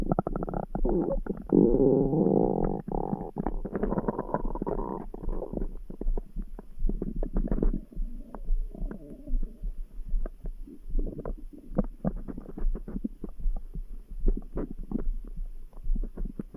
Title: Stomach grumble | Background heartbeat sounds